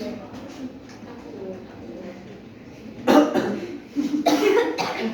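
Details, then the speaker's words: Pediatric nursing practicum demonstration of chest physiotherapy and breathing exercises: after deep breath held, patient performs two strong short chest coughs to expel phlegm, acted effective cough technique. "lalu bapak bisa nafas lalu tahan dulu lalu bak bisa e Bantuk untuk mengeluarkan kukusnya eh"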